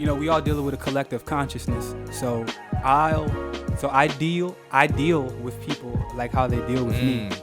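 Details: Stuttering in an adult man, who points out mid-conversation that he stutters a little bit.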